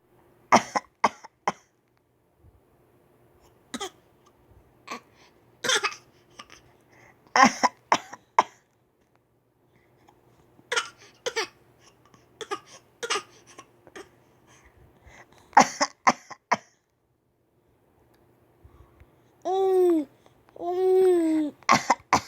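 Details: Child deliberately faking a cough, recorded January 2010: short, dry, forced coughs in quick clusters, an imitation rather than a true cough; voluntary (fake) cough.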